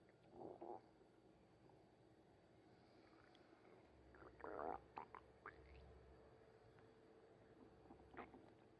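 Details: Stomach noise: short irregular bubbling gurgles and low rumbles over a quiet room hiss; ordinary bowel sounds (borborygmi).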